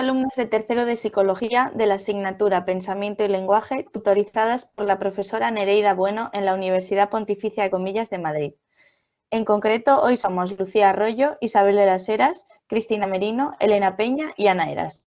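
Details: Adult woman speaking Spanish; Normal fluent speech.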